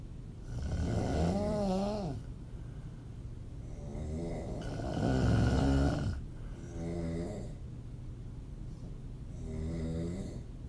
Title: Sexy female open mouth snoring. Part 1 of 2. Audio only